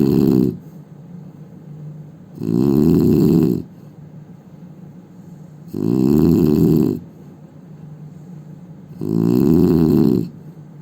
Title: Indian man snoring sound